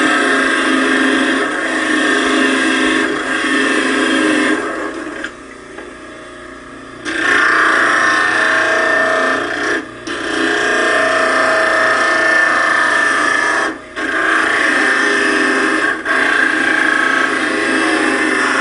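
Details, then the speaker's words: Dental lab: a 12-inch model trimmer with a water spray attachment grinds the land areas off stone models to flatten them. Steady loud grinding whine with brief dips. "and then uh we're going to grind off all of the uh the land areas and flatten"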